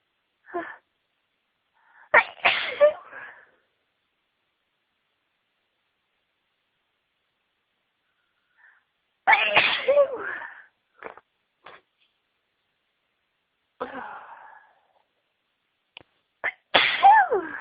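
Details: Sneezing fit announced beforehand: several loud sneezes in bursts with quiet pauses between, some preceded by short inhaled catches.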